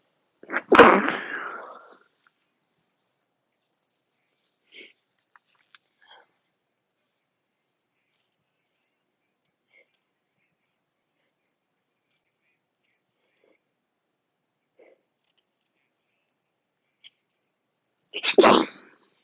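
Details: Deliberately induced sneezes: two forceful sneezes separated by a long near-silent gap with faint sniffs.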